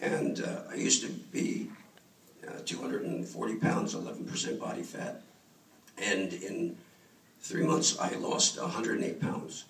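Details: Adult male throat cancer survivor, treated 14 years earlier with simultaneous radiation and chemotherapy; dysphonia after throat cancer treatment.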